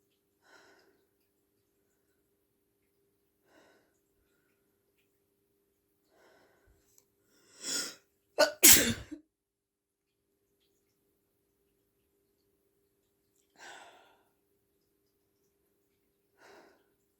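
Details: Female's induced sneezes in the evening: quiet sniffs and breaths build to a sharp inhale, then two forceful sneezes in quick succession.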